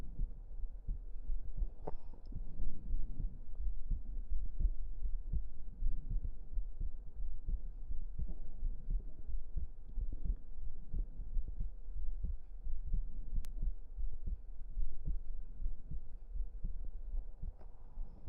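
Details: Close-up recording of an adult heartbeat for relaxation: steady, muffled low thumps with a soft low hum underneath.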